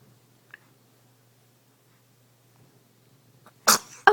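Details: Seven-week-old baby boy gives a sudden short, high-pitched sneeze in a quiet room, followed by the start of another sound; ordinary infant sneeze.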